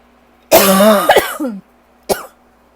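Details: Adult on a rough asthma/allergies day with lingering bronchitis: a long, harsh hacking cough, then one short cough, dry unproductive cough, hacking all day long.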